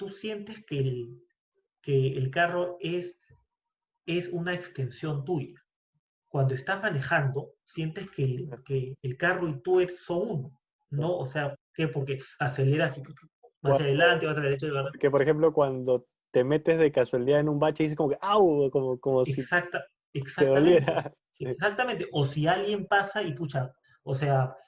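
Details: Spanish-speaking person who stutters, in a conversation between two people who stutter. Stuttering.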